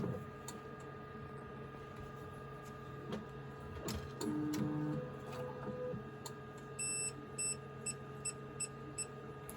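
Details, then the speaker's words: HORIBA CBC/CRP hematology analyzer starting up after power-on is confirmed on its touchscreen, a startup said to take 5–10 minutes: quiet mechanical whirring, soft motor tones and a run of short ticks in a quiet room. "누르면 켜시겠습니까? 하고 여기 물어보면 키는 버튼을 누르기만 하면 얘가 자동으로 켜져요. 켜지는 시간 아까 말했듯이 5분 내지 10분 정도 소요되니까 그 점 참고해 주시고, 지금 제가 또 임의로 킬게요."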